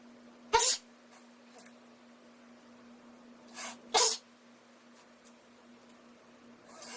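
An adult imitates two sharp sneezes about three seconds apart, a soft breathy build-up before the second, over a steady low hum; repeated sneezing.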